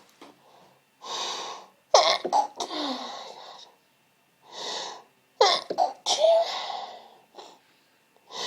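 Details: Sneezing fits after inhaling pepper from a dropped, smashed pepper pot: two bouts, each a sharp in-breath then explosive sneezes, about four sneezes in all.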